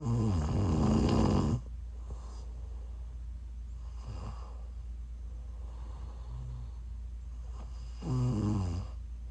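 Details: Person sleeping while sick, loud rattling snores with quieter breaths between them over a steady low hum: snoring.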